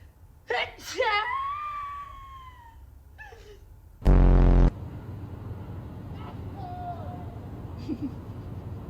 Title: best ranking of sneeze🤧#funny#funnyvideo#shorts#ranking